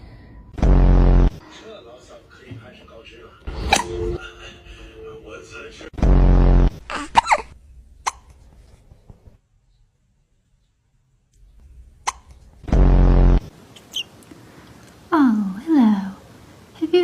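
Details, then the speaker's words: Cat with three short, loud, jerky hiccups a few seconds apart, with a person talking softly and faint music in the background; hiccups. "Okay. Do you have the hiccups? Oh, baby."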